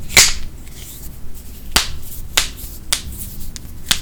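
About six sharp, crisp pops in four seconds, typical of harmless joint cracking.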